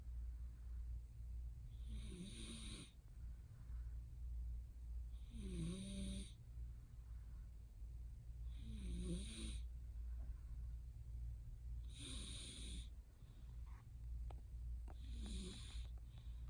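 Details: Congested nasal breathing: quiet, regular snuffling breaths, about five in sixteen seconds, rough and whistly, in a male with a stuffy nose having a hard time breathing.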